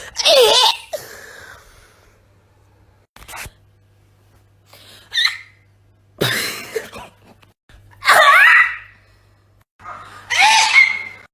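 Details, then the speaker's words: Several separate explosive sneezes with sharp inhaled catches between them over about ten seconds, in a compilation of people including hay fever and allergy sufferers; repeated sneezing. "Oh my god. So many sneezes. It's constant. Help. I hate it here."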